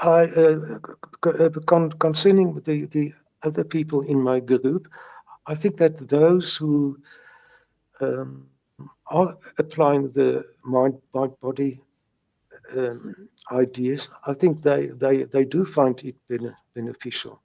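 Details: Adult South African man who has stuttered since age three, speaking with repetitions in English, not his first language; stuttering.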